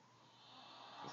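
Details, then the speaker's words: Two sleepers snoring in unison, one high-pitched and one deep: a single rasping, noisy breath that swells in loudness. "You guys are now snoring in unison. is the high-pitched one. is the deep snore."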